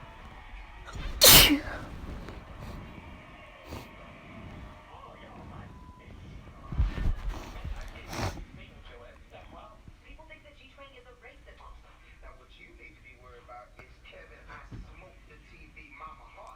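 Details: One loud, explosive sneeze, then a weaker sneeze, with background voices and room noise, from a person who thinks they caught a cold; sneezing.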